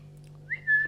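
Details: Young woman with Tourette syndrome and FND whose tics include whistling and saying "wow", worse with strong emotion, excitement or nervousness; vocal tic (whistling).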